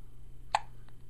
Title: Hiccups, Hiccups, Hiccups!